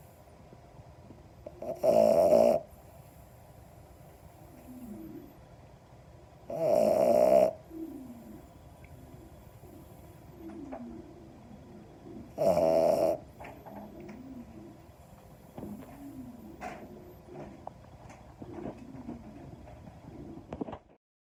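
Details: A sleeping French Bulldog puppy, a brachycephalic breed, gives three loud, rattling snores about five seconds apart, with soft snuffling breaths between: snoring.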